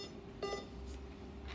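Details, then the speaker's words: Single short electronic beep over room hum as the enter button confirms a volume setting, such as 10 ml, on a Practivet infusion pump during training; an infusion pump keypress beep. "so now you want to enter it you see the enter button on your right hand and it'll turn yellow showing that it's loaded in their volume is the same exact way clicky volume button"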